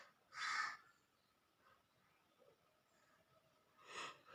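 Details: Sneezing challenge: two sharp, hissing sneeze bursts a few seconds apart in a quiet room, deliberately triggered by tickling the nose with long green grass or a handkerchief.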